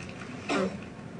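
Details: A single short, voiced cough from an adult actress in an acted film scene: cough.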